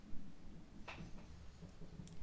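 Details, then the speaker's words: Adult man notes stomach growling; quiet low rumbling and gurgling with a brief click; stomach growling (borborygmi). "Can you hear that? My stomach is growling. Um I've noticed that too. Like I've noticed my stomach growling but not being hungry."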